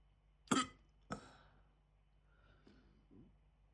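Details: Hiccups starting almost immediately after eating a chicken tikka jalfrezi curry, audio only: two abrupt, sharp throat catches about half a second apart, then faint breathy sounds.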